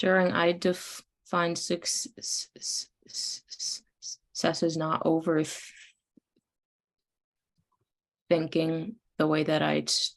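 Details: Woman in stuttering speech therapy whose stuttering varies randomly by sound and day, using avoidances when overthinking; a word broken into a fragment; stuttering.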